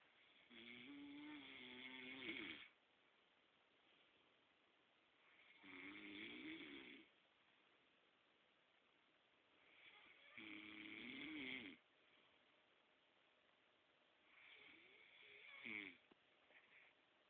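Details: Sleeping adult man: four rattling, nasal snores over about 17 seconds, roughly 14 a minute, separated by quiet exhalations; loud ordinary snoring.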